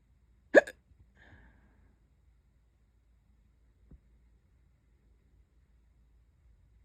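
One sharp, abrupt hiccup in a quiet room, followed by a much fainter one a few seconds later.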